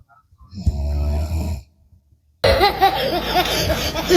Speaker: Dengerin guys nih, ada teman ngorok nih.